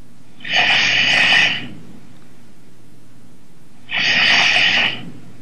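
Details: Man fallen asleep on a Skype call, heard over the call: two loud, rasping snores about three seconds apart against steady room hum; ordinary snoring.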